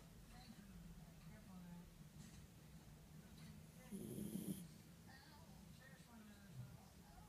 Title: Nismo Snoring